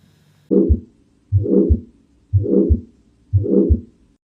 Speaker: así se escucha un soplo